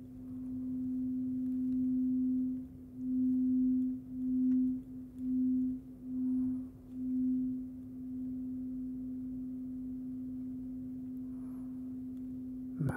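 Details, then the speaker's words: Simulated ASMR ear exam roleplay: lowest tuning fork struck first in a low-to-high hearing test, steady low pure tone ringing and slowly fading with gentle pulsing waver; tuning fork ringing during hearing test. "so we're going to use some tuning forks did you play the piano so we're gonna start here and let me know when you hear it stop ringing okay so this is going to be the lowest one"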